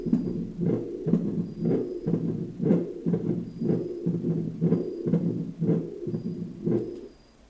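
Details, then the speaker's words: Cardiac auscultation teaching demonstration with a stethoscope of a pathological heart sound: regular low heart sounds at about 60 beats a minute with an extra low-pitched sound between beats. Abnormal heart sound. "pero no siempre vamos a escuchar ruidos normales muchas veces el corazón emite ruidos patológicos que en este momento vamos a escuchar"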